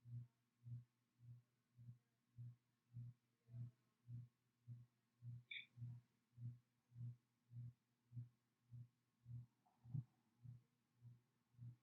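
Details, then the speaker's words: Normal heart sounds during a student nurse's cardiovascular assessment, heard through the stethoscope bell with a light touch, patient then asked to lean forward: soft, regular low thumps at about 100/min with no added sounds. "okay lean forward a little bit okay do that again okay good so everything sounded normal"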